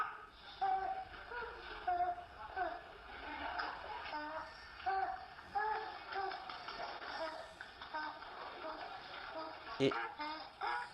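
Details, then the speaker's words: Inspiratory stridor in a child with viral croup: harsh, high-pitched crowing sound on each breath in; upper airway obstruction. "Entonces acá tenemos un video, se escucha el estridor que tiene el niño al inspirar."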